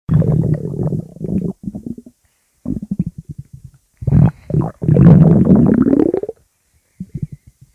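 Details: Loud low gurgling rumbles in bursts with short pauses and one long rising growl; ordinary stomach growling (borborygmi).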